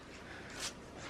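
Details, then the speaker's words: Pet named Toffee sneezes on the foods while cleaning; sneeze heard amid talk. "oh she's sneezing on your Foods may you should do something about that"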